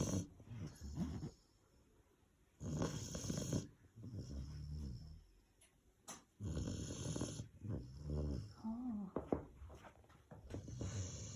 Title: My Dobberman snoring 😴